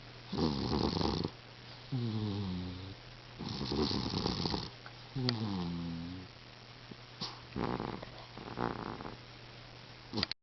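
A sleeping cat snores in soft rasping breaths, rattly on the in-breath and whistly on the out-breath, about every three seconds.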